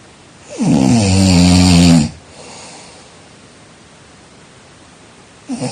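One loud, low, rattling snore on the in-breath lasting about a second and a half, followed by quiet, then the next snore beginning.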